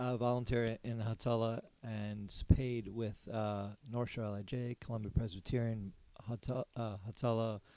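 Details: Aphasia in an adult man, a former paramedic, after a stroke during surgery about eight and a half years earlier. For about a year he could say only one word. He has ongoing speech therapy and has word-finding difficulty.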